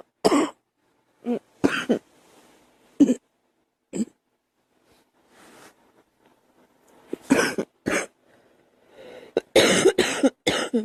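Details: A woman gives repeated short, explosive coughs, some single and some in quick clusters, about ten bursts in all.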